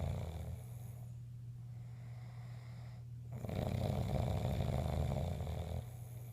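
Low, rumbling, loud snoring on a steady breathing rhythm, with a louder, coarser snore in the second half. Ordinary loud snoring.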